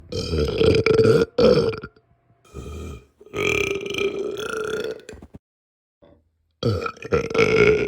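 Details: Loud, drawn-out, rumbling voiced belches in several bursts from a burp compilation: burping.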